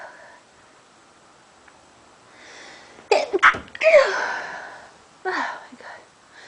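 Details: Repeated sneezing from allergies: a rapid run of about four sharp, explosive sneezes in quick succession, then one more after a short pause.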